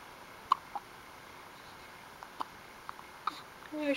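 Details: 4-day-old newborn hiccupping; brief sharp squeaky catches at uneven intervals, about four in four seconds, in a quiet room; hiccups.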